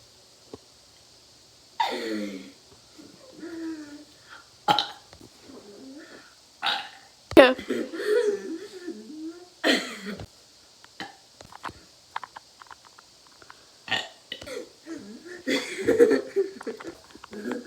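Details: Several short voiced belches mixed with talk and throat noises; burping.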